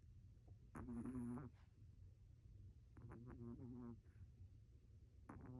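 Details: Chihuahua snoring while lying comfortably on her owner: soft, rhythmic fluttering snores about two seconds apart over low room rumble; ordinary relaxed snoring.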